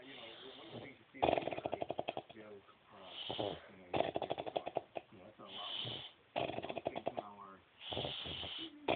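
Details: Adult man (uncle) snoring like a chainsaw: harsh, rattling snores alternating with groaning out-breaths, each cycle a few seconds long, in a thin, tinny recording.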